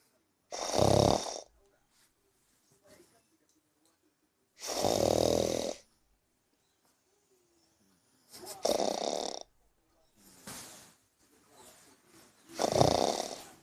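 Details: Loud rasping snores on the in-breath, about three in thirteen seconds, with quieter breaths between; ordinary snoring.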